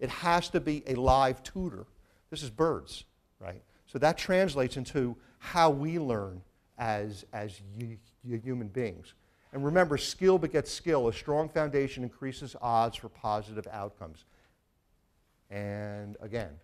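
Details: Adult male neuroscience professor with a stutter who says it can still be heard a little in his speech. Finding: stuttering.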